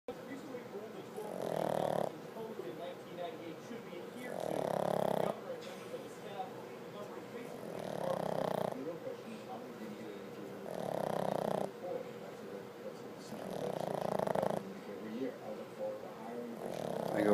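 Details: Snoring in a deeply sleeping female pug, eyes open, not waking even for a treat: rhythmic rattling snores about every three seconds, roughly 20 per minute, with a faint background hum.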